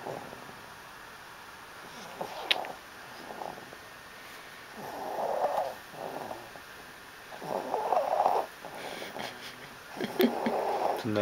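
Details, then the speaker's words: Soft, rhythmic snoring with rasping breaths at about 22 a minute from a sleeping 10-week-old kitten; snoring. "Leona o es una retona bueno la retona está roncando"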